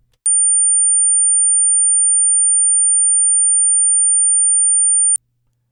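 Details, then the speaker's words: Steady, very high-pitched sine-wave pure tone, 9 kHz, about five seconds, generated in Adobe Audition at −12 dB for an informal hearing-range test; 44-year-old listener can hear it. "could you hear that 9k i hope so i know even i can hear that and i'm 44 years old"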